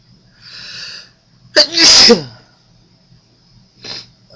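A breathy inhalation, then one loud explosive sneeze and a softer follow-up sound; an ordinary sneeze.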